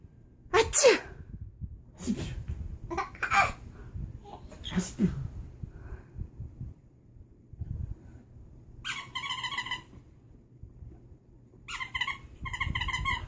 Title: Talking and sneezing 7/2014